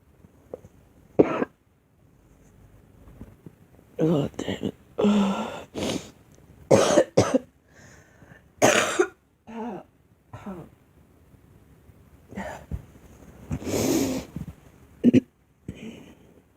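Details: A young woman coughs repeatedly, about a dozen short coughs in several bouts over sixteen seconds.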